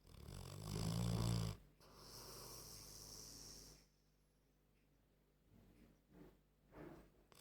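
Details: An old Staffordshire terrier asleep snores like a human, with one loud, rattling snore, a long hissing exhale and faint snorts; snoring in a sleeping dog.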